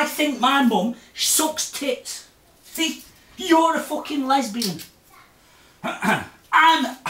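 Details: Adult man with Tourette syndrome, filmed September 2009 in a follow-up; his vocal and motor tics have changed a lot since earlier, vary with mood, and include obscene words: vocal tics with coprolalia (Tourette syndrome).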